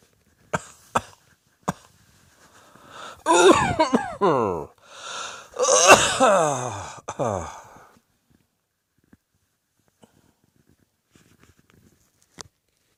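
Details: A few sharp coughs, then two long harsh coughing bouts with a strained, squeaky, wheeze-like vocal quality, followed by quiet; cough.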